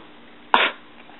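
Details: A dog sneezes on command after the cue "sneeze": one sharp, brief burst of air through the nose over quiet room noise; an ordinary sneeze.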